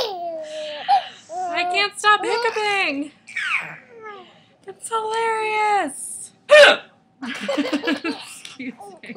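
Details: Mother with loud hiccups while laughing and talking, entertaining a child: a sudden sharp hiccup and several hiccupy catches in her voice.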